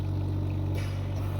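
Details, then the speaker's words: Home oxygen concentrator switched on and delivering 2 litres per minute, with oxygen bubbling through the water humidifier; a steady low mechanical hum with slight pulsing and a soft rushing sound. "आपको इस video में machine की आवाज आ रही होगी तो ये oxygen बनना स्टार्ट हो गई है"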